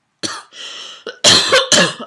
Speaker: should go because I'm now I'm coughing and you don't want to hear that